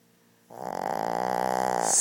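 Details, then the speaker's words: Shih Tzu dog asleep, snoring louder than a human: one loud, drawn-out, buzzing snore rising in loudness over more than a second; snoring. "snoring on my daughter's Birthday Look at this Guy he snoring want to make a song out of this"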